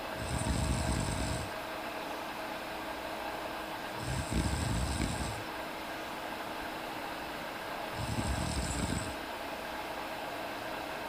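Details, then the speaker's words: Sleeping female cat snoring: three soft, rough breathing noises about every four seconds, roughly 15 breaths a minute, over a steady hum. "I think we can catch some interesting sleeping, maybe a little snoring, some dreaming."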